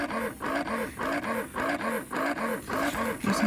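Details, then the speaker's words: Medela double electric breast pump switched to its slower expression mode after milk let-down: steady repeating whirring suction cycles, a little under two per second; breast pump expression mode. "okay did you hear the change in the pump can you see a change here and the rhythm that it's pumping it slowed down just a little bit"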